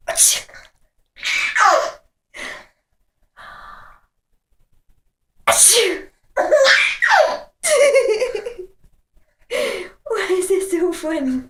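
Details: Mom sneezing: sharp sneezes, each with a quick intake of breath before it, followed by a baby's bursts of laughter.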